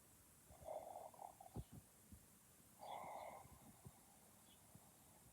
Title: This is how my boyfriend snores